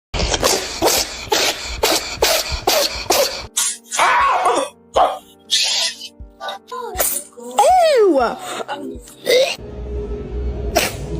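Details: Cat gives a rapid run of about seven short, sharp sneezes toward its owner, followed by music and voices: sneeze.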